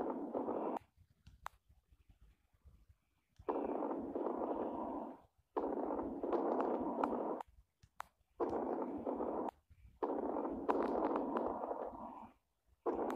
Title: Ausculta Pulmonar - Sons Creptantes - sons pulmonares